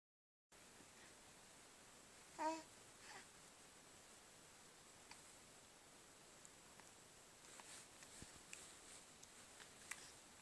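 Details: 9-week-old baby boy, very talkative, gives a single small, brief sneeze followed by quiet room noise and faint soft sounds. Sneezing.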